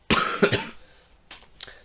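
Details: Adult man with a hoarse, broken voice who is avoiding going out for fear of catching another cold, gives a forceful double cough and then two softer short coughs indoors.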